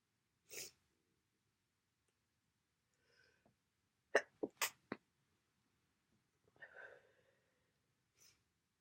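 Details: Sneezing in a person with a cold and much congestion: several abrupt sneezes with sniffing and breathy noises between them in a quiet room.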